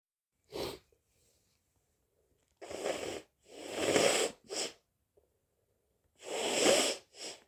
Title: hayfever sneezes 🤧